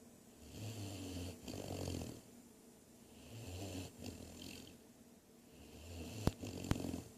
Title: ADORABLE GREAT DANE PUPPY SNORING